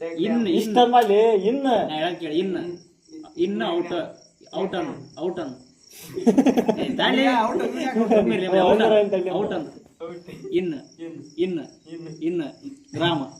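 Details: Speaker with stuttering, showing repeated part-word repetitions while attempting a word; finding: stuttering.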